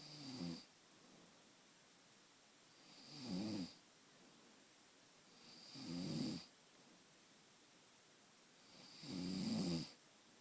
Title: Surveillance of the snore